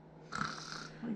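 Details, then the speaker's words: Adult deliberately imitating snoring: one short, rough, rattling breath noise, demonstrated while discussing a partner's snoring problem. "okay that'd be you snoring you be she be the one snoring waking us both up"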